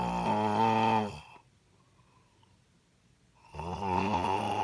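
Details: Adult snoring, described as "purring": loud, deep rattling breaths in a quiet room with a pause between them.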